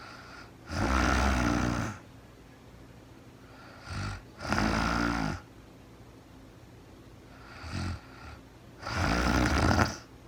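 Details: Real-time recording of a woman asleep at night after being very tired, no talking, described as REM sleep: three strong, rough snores on inhaling, softer breaths between, about every four seconds; snoring.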